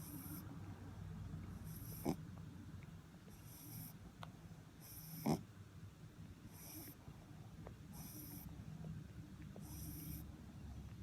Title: Maltese pup snores!